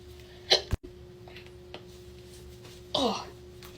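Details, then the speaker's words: Person with hiccups during a makeup tutorial: two abrupt, sharp voiced catches a few seconds apart over quiet room noise; hiccups. "lashes curled this is kind of scary doing lashes with the hiccups final look"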